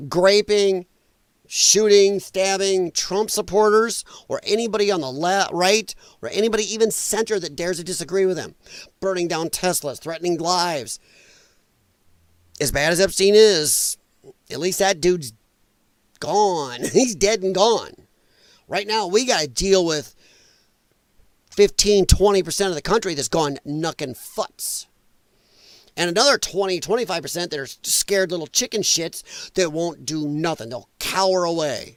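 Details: Dysphonia in a male speaker, who attributes it to vocal cord damage from infections related to his lung problem; he formerly sang in show choir and regards it as a disability.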